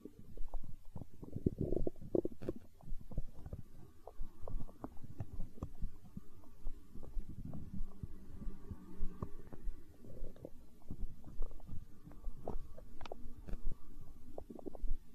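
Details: Hunger stomach growl recorded for ASMR: low rumbling with many small pops and gurgles throughout; ordinary bowel sounds (borborygmi).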